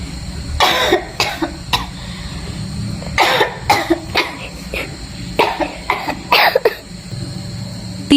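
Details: Adult acting in a skit, simulated cough: about a dozen harsh coughs in quick clusters over a steady low background hum.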